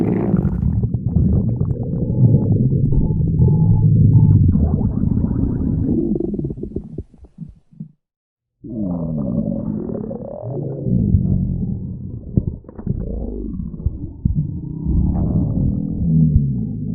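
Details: Stomach growling (borborygmi): long, deep rumbling and gurgling from the belly, with a brief quiet gap midway.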